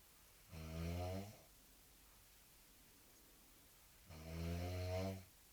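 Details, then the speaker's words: Severe snoring of a sleeping young woman: two loud, low, rattling snores on the in-breath, several seconds apart, with quiet between them in a small room. "При просмотре этого видео все будут думать, что мы издеваемся на девочку, которая просто спит, подобрав какой-то храб безумный."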